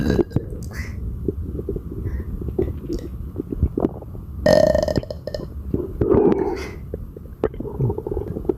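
Repeated low, gurgling belches and rumbles in a quiet room: frequent belching with bloating.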